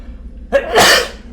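A quick in-breath followed by one loud explosive sneeze; an ordinary adult sneeze.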